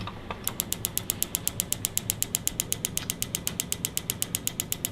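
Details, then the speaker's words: Extracorporeal shockwave therapy on the lateral elbow, applicator moved down the back of the forearm over the extensor tendons and muscle bellies: rapid regular sharp clicking, about four pulses a second, over low room hum. "so what you're going to be hearing is these are the sound pulses and what we want to do is make sure that we hit all the lateral area where the radial head is the proximal radiohead and we slowly move the applicator around r"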